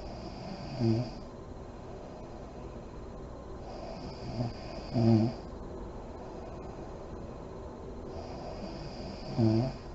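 Three deep, low snores with breathy exhalation over ten seconds, roughly 14 breaths a minute, against steady room hiss; ordinary sleep snoring.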